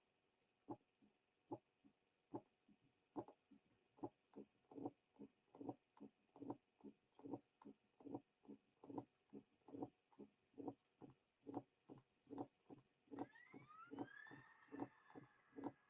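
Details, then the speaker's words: Mitral stenosis teaching recording: loud first sound followed by a mid-diastolic murmur introduced after the first few cycles, then presystolic accentuation added, then an opening snap added. "A loud first sound is followed by a mid-diastolic murmur. The murmur will be introduced after the first few cycles. Now, a pre-systolic accentuation is added, followed by an addition of an opening snap."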